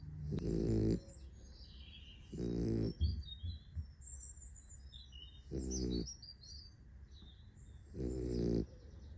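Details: Sleeping puppy snoring: rhythmic low, buzzing snores every two to three seconds with birdsong in the background.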